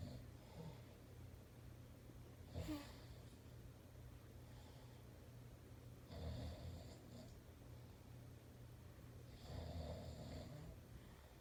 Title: When you try to sleep like a baby, but your daddy snores like a bear.